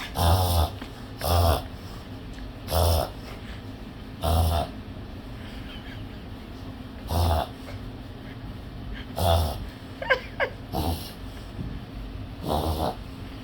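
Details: Dog's reverse sneeze: repeated loud, harsh snorting gasps, about eight in thirteen seconds.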